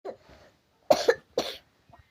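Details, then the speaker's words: Child coughing, which an adult blames on snacking on iced drinks and candy: three short, quick coughs in a row, with a faint sound before them. "Ul jajan es permen jadi we kitu batuk"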